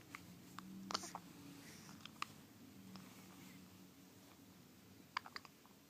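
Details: Four-day-old infant's first hiccups: soft, brief, sharp catches of breath recurring over a few seconds in a quiet room.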